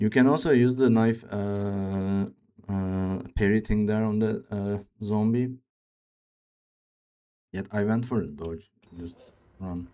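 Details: Man who reports his own speech disorder, type not named, and says it is much worse than a game character's; real speech; speech disorder.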